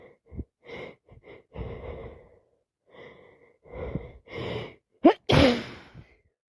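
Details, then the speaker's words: Person with a wet cold, feeling very ill: repeated snorting breaths build to a forceful wet sneeze with heavy spray, with noisy nasal breathing; nose dripping, face and legs wet. "It's gone everywhere. [snorts] Legs are covered. [snorts] Face is wet. Nose is dripping."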